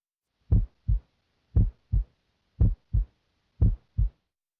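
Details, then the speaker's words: Normal first heart sound (S1), from AV valve closure, heard at the apex with the stethoscope diaphragm: regular lub-dub at about 58 beats a minute, S1 loudest. "s1 is caused by closure of the AV valves it is loudest at the apex and sounds like this"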